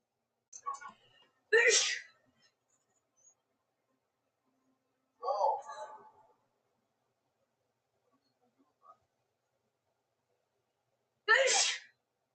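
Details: Woman's sneezing fit, edited into a 3½-minute loop: a few sharp sneeze bursts separated by quiet pauses.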